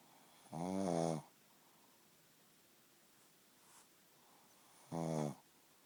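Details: Pug asleep: two loud, rattling snores about four seconds apart with quiet breathing between; snoring.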